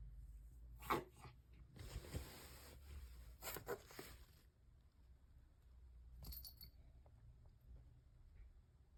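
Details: A pet gives several short, harsh, hacking coughing bursts in a small room, with faint jingling, likely collar tags; strange cough.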